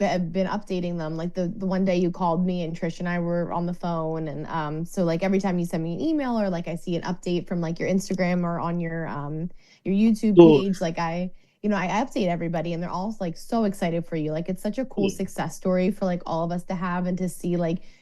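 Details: Adult woman speaking; normal speech.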